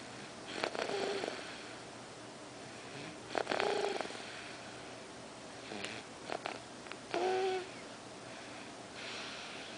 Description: Sweet angel asleep...have to listen closely for snoring!